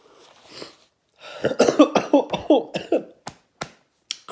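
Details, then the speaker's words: Man sipping Samyang stew cup-noodle broth sucks it into his throat: a burst of about eight rapid, harsh coughs with a sharp catch at the start, then a few spaced coughs; reflex coughing after aspiration. "let's try this broth here see how that goes oh i freaking sucked that right back into my throat there oh man"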